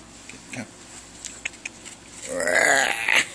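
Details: Pet dog Tango with an ongoing cough, throat rubbed to provoke it; a few soft clicks, then a harsh, honking gag-cough about a second long, a retching choking noise; owner suspects throat lining.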